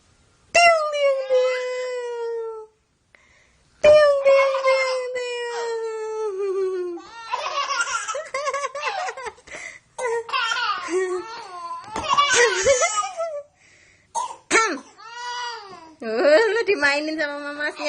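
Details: Baby's long high-pitched belly laughs and giggles, breaking into short coughs from laughing hard while watching his older brother play with an air balloon toy; adult voice in background.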